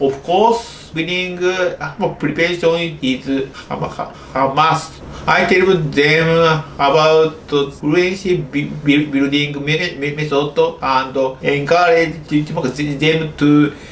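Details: Childhood-onset stuttering (developmental fluency disorder) in an adult male Japanese doctor who stutters, speaking English.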